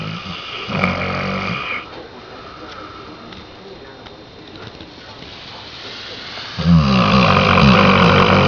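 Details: Two loud, rumbling, low-pitched snores with a quiet pause between them from a sleeping Saint Bernard dog: ordinary snoring.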